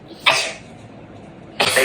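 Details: Two sharp, hissing bursts of air rising suddenly and fading, faked sneezes done as a prank on a nephew; sneezing.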